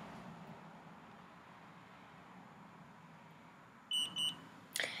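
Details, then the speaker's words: Quiet room noise, then two short high beeps and a further tone: an OmniPod insulin pump pod and its PDM confirming pod deactivation during a routine 3-day pod change by a person with type 1 diabetes. "both beeped so when you hear the beeping it says uh pod deactivated remove and discard the Pod and then press next"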